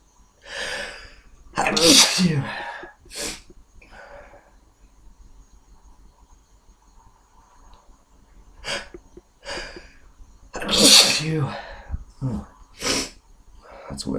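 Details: Person with a current cold deliberately induces sneezing: two loud, explosive sneezes, each preceded by catching breaths, with quieter breathing and sniffing between.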